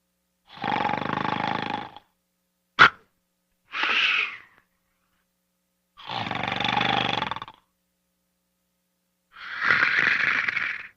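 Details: Sleeping and snoring: loud, rough, rattling breath sounds in long bursts with quiet pauses between, roughly 18 a minute.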